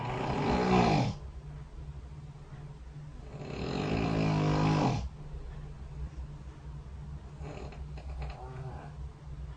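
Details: Snoring recorded overnight by a phone snore-tracking app placed beside the bed during sleep: two loud, rattling inhaled snores separated by quiet exhalation, roughly 15 breaths a minute, over steady room hum.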